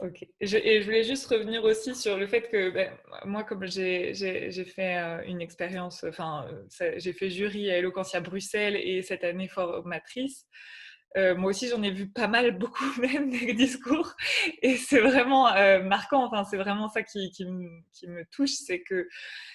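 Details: Adult woman speaking French; normal speech.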